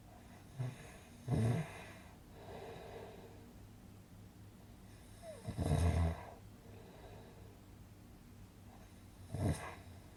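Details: Relaxing snoring sound effect for sleeping: three rough snoring breaths with softer out-breaths between, roughly 14 breaths a minute.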